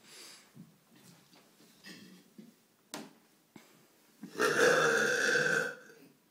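A few faint throaty sounds, then one long, loud, drawn-out belch lasting over a second; voluntary burping.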